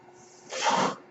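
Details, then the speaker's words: Mechanical ventilator breath cycle from the speaker's own ventilator, heard while he talks: a single soft rushing hiss of air, building and fading over about half a second. "Hello, everyone. My name is. That noise you're hearing is my ventilator."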